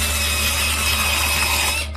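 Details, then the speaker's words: Steady high-pitched whine of a dental drill running continuously, then cutting off: dental drill in a dramatized root canal segment. "And this is a root canal. They drill into your tooth,"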